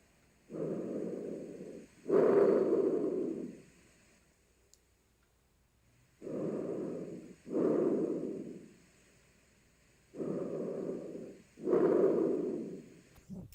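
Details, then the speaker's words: Stethoscope over the trachea: three clear, hollow, tubular breath cycles, easy to hear, with no pops, crackles, rhonchi or wheezes; normal tracheal breath sounds. "is that not sounding tubular to you easy to hear clean no pops crackles Ron eye wheezing or music it sounds wonderful"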